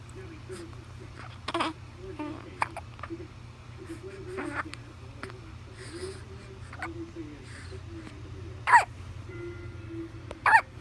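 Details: 1-month-old infant hiccups: soft, abrupt catches in breathing recurring irregularly over quiet fussing, with steady low room hum.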